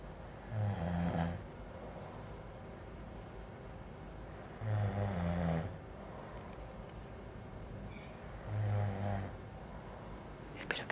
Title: 19-04-2009 - Pappa Snoring